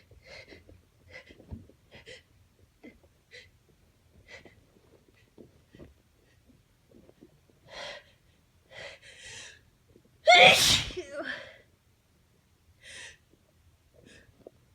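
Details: Allergy sneezing despite taking antihistamines, a severe allergy flare: soft sniffing breaths build to one loud explosive sneeze, then quieter breaths and a trailing voiced sound.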